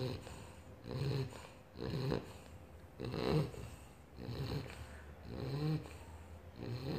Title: 3 months old British bulldog snoring